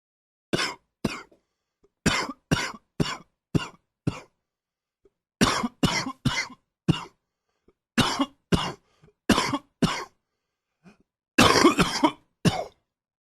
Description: Morning cough, still with a slight cold.